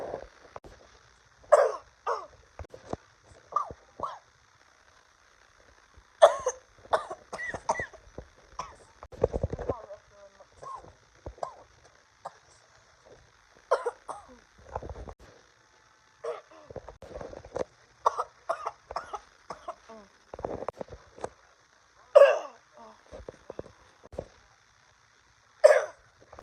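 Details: Adult recording their own cough: repeated short, sharp cough bursts separated by quiet pauses, with some throat noise.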